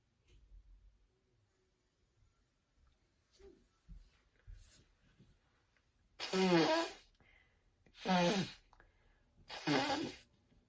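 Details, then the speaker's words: Acted sneezing in a Halloween cheetah costume: soft intake breaths, then three loud explosive sneezes in quick succession. "I don't know if I'm going to be able to go out tonight because I've been sneezing a lot."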